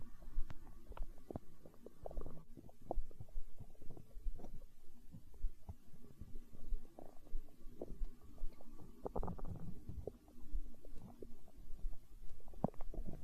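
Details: Stomach growling (borborygmi) from an ASMR recording close to the belly: quiet low gurgles and rumbling with soft clicks.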